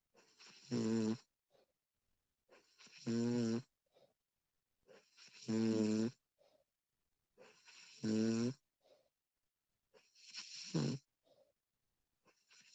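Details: Woman recorded while asleep, extended one-hour recording: regular buzzy, voiced inspiratory snores about every two and a half seconds, roughly 24 a minute, soft breathing between; snoring.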